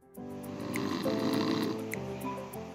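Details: A single rough, rattling snore on a drawn breath, partly masked by steady background music, in a health segment on snoring and sleep apnea; snoring.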